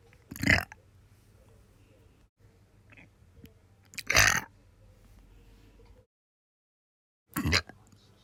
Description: I put up with burping in the office, so I burped my fill after returning home.